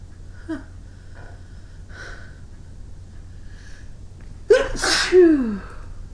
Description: after I had cleared the snow away from the sidewalk in front of my house, I decided to make som winter sneezes for you. enjoy